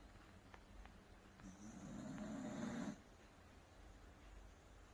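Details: Welsh Corgi snoring while asleep after a bath: one soft, rattling snore lasting about a second and a half over quiet room noise.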